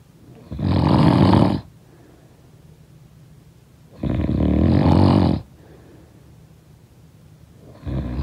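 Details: Snoring sound-effect recording: loud, rough snores on each breath in, about one every four seconds, with quiet breathing out between.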